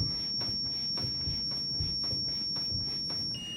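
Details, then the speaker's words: Zoll R Series ALS crash-cart defibrillator in a training in-service: a steady high electronic charging tone over rhythmic chest-compression noise, then a tone change as charging completes before a shock. "So we're all charged up, we're coming off the chest."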